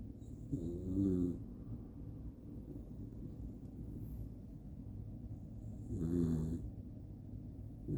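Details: Two low, rattling snores about five seconds apart, each ending in a whistly snort, from a sleeping Jack Russell terrier; snoring.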